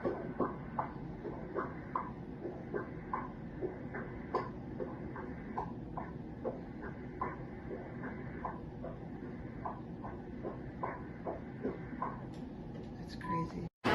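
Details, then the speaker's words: Fetal heartbeat heard on Doppler: an irregular, stuttering, sputtering rhythm with uneven gaps instead of a steady galloping beat. Fetal blocked atrial bigeminy. "Dave and I at first were like oh my goodness because we are used to that galloping horse sound you know beat after beat and this sounds awful but it sounded like a sputtering card to me"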